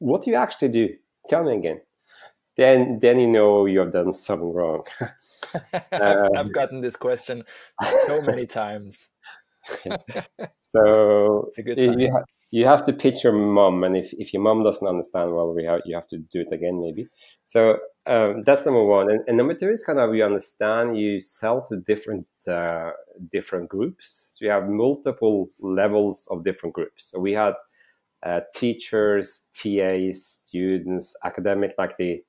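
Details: Stuttering in a male startup founder who says he stutters and that it can be heard in his speech.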